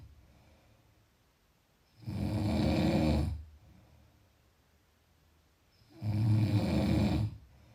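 Loud rattling snores lasting over a second each, about 16 per minute, with quiet breathing between; habitual snoring.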